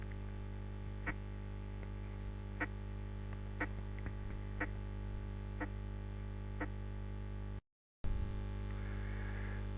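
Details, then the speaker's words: Heart auscultation in a normal subject: faint, regular heart sounds at about one beat per second. The first heart sound is very minimally split, with a mitral–tricuspid gap of 20–30 ms, a normal variant. "في بعض الاحيان بيكون الفيرست هارت ساوند مسموع كانه سبليتد، بس في الحالة دي بيكون very minimal splitting، وده normal variant في normal subject."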